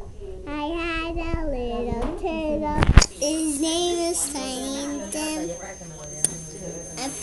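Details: Hiccups while singing: a child's melody is broken by a sudden sharp catch near the middle and another brief jolt later.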